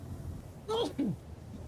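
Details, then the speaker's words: A single brief voiced sneeze in two quick parts, a rising intake then a falling burst, over low steady background hum; adult player apologizes afterward for the sneeze during a voice-chat gaming session. "off just realized I was probably close enough someone could hear that sneeze oh yeah sorry about that"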